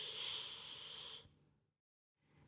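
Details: Palatal lisp demonstrated by a speech-language pathologist, the least common lisp type, with the middle of the tongue raised to the palate, giving a slushy, muffled /s/ similar to a lateral lisp.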